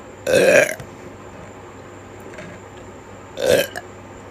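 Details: Person with hiccups and burps gives two loud, throaty burps a few seconds apart against quiet room noise; burping.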